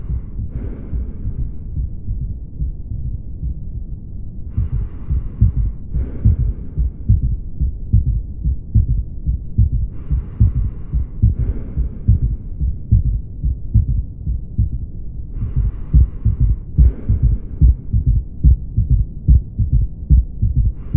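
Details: Heart auscultation, likely at the apex (mitral area): regular low heartbeat near 72 a minute with a faint extra thud just after S2, an S3 ventricular gallop ("Ken-tu-cky" rhythm).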